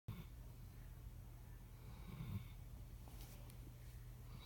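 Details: Yellow Labrador dog snoring: soft low rattling snore in a quiet room with one louder snort partway through.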